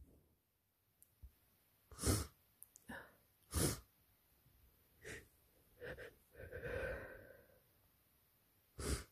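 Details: Person with a cold caught during allergy season, constantly sniffling with a runny nose: several soft, muffled sneezes mixed with sniffles and heavy breaths in a quiet room.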